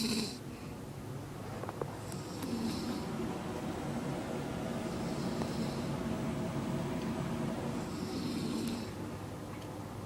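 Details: Long, steady rumbling snore on the in-breath with hissy breathing at each end, two breath cycles heard; snoring.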